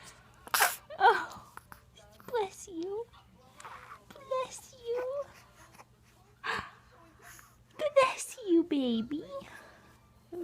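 Small sharp sneezes among a baby's soft vocal sounds and an adult's gentle talk; infant sneezing.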